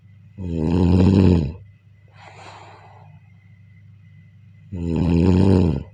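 Two loud, rough, voiced inhaled snores with a softer breath between them, over a steady low hum: snoring.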